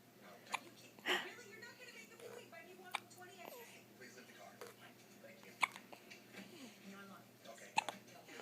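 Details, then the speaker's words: Baby girl with hiccups while smiling: about five short, sharp hiccups at irregular intervals, with soft adult talk in a quiet room. "Happy girl. You got the hiccups. You got the hiccups."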